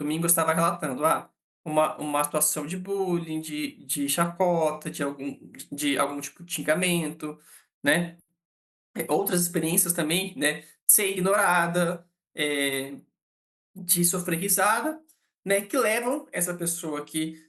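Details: Adult man, a psychologist who states he himself stutters, speaking Brazilian Portuguese; real stuttering.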